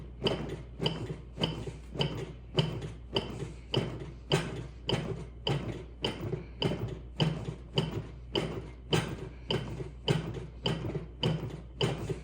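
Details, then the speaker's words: Steady, rhythmic clicks at about 103 per minute from a Lifepak CR2 AED in adult mode, shown in a demo, pacing chest compressions after a shock is delivered, with voice prompts on hand placement; AED CPR metronome. "Provide chest compressions to the beat. The heel of one hand should be in center of chest."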